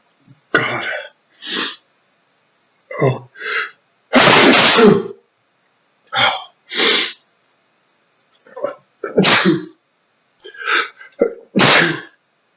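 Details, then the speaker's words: Male in a sneezing fit from chinchilla dust baths: about seven forceful sneezes in quick succession, some preceded by a sharp in-breath; eyes tearing, nose burning. "but i'm just sort of overcome with sneezes at the moment um and i don't have i don't have any tissues"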